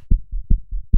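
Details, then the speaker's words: Fast heartbeat stimulus from an empathy study: quick, regular low lub-dub thumps at roughly 150 beats a minute, heard with a pair of eyes in an audio-visual fast trial. "see a pair of eyes, we hear the fast heartbeat."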